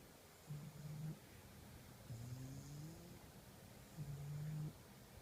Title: Classic Pug Snore